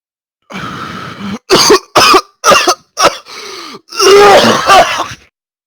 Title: the coughing catastrophe